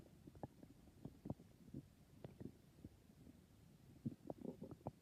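Soft, irregular gurgles and bubbling rumbles from the gut over low background hiss; ordinary bowel sounds.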